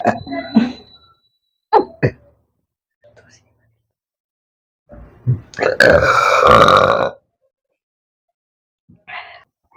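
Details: Burping challenge after eating Lahori cumin: a few short burps, then one long, loud, drawn-out burp and a brief final one; ordinary belching.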